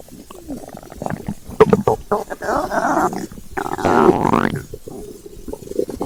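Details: Stomach growling from hunger (ASMR recording): long, loud squeaking and rumbling gurgles with a rising whine; ordinary borborygmi.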